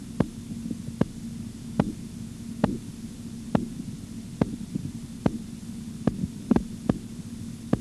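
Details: Regular sharp tapping pulse sounds at about 70 a minute over a steady low hum, heard during auscultatory blood pressure measurement: Korotkoff sounds.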